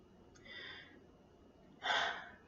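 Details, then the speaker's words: Respiratory assessment of a female patient: normal breath sounds heard over the back in a Z pattern during full deep breaths, a soft inhalation and louder airy exhalation, all lung fields clear. "you want to go on the z pattern deep breath all fields are clear so far"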